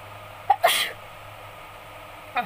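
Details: A short inward catch then one sharp, explosive sneeze in a quiet room, triggered by tickling the nose with a folded strip of paper during a sneezing challenge; sneeze.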